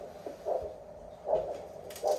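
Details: Three rhythmic whooshing Doppler pulse sounds about 0.8 seconds apart, roughly 75 a minute: present pedal pulse in the foot, during paramedic testing of a Snake Staff tourniquet.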